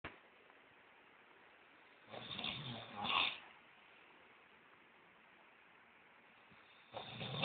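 Rough, fluttering breath noises recur over a faint steady hiss; snoring.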